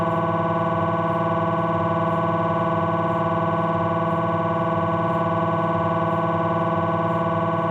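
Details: Philips 1.5 T MRI abdominal scan: loud, steady, fast buzzing pulses, about 220 a minute, with a droning tone, gradient noise during a fat-suppressed T1 sequence.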